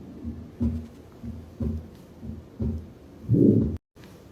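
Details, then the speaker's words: Simulated aortic stenosis murmur on a Harvey cardiology patient simulator, heard over the aortic valve: heartbeat near 60 a minute with a loud whooshing systolic murmur, ending in a stethoscope rub. "now we're going to listen to quite the exotic murmur not really this happens to patients as the age it's called aortic stenosis"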